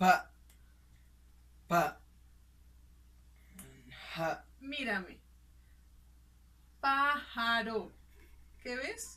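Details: Simulated (acted) patient demonstrating Broca's aphasia, with great difficulty articulating short words, which finally come out, and difficulty joining words; Broca's (nonfluent) aphasia.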